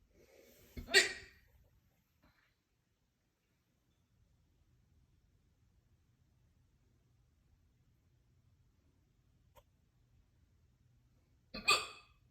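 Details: Super loud hiccups after soup and then a lot of crackers: two loud, abrupt gulping sounds about ten seconds apart with quiet between them.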